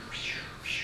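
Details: Microembolic signal on transcranial Doppler.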